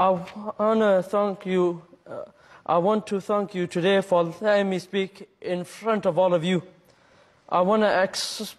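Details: Schoolboy with a stammer, who was bullied, giving a speech to his school; stuttering.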